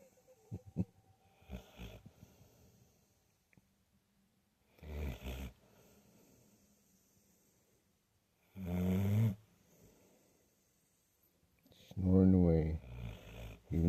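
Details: Female Bully-Mastiff asleep with eyes peeking partly open: repeated low, rumbling snores with softer breaths between, in an irregular rhythm.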